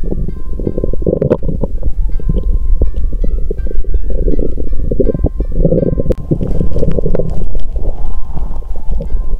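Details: Continuous low gurgling and rumbling from an adult abdomen, with soft music over it; the person says they are not hungry today: ordinary bowel sounds (stomach rumbling).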